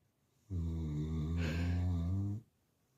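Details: One loud, sustained, buzzing snore about two seconds long from a sleeping dog.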